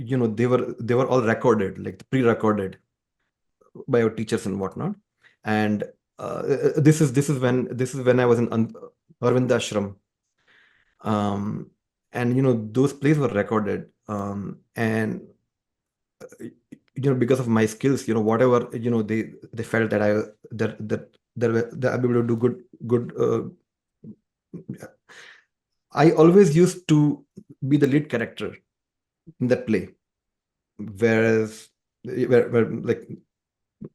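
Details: Adult man described as a person who stammers, heard with word repetitions and fillers; stammering.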